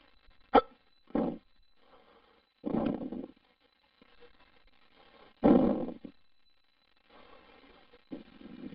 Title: Hiccups male(audio only the Man file)